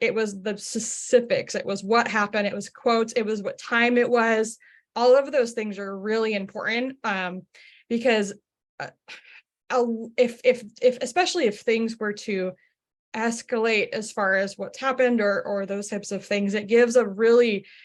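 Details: Stuttering in an adult who identifies as a person who stutters, asking a question during a workplace-focused webinar.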